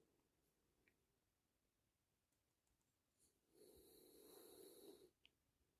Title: Marley Mindfulness! Just 3 minutes of a French Bulldog snoring. sit back, relax and tune in!